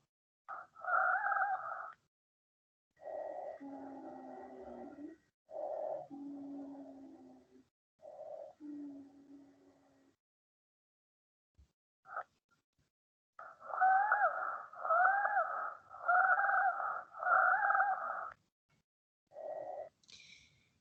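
Repeated musical, whistle-like tones over several breaths, some high and some lower and sustained, consistent with wheezes.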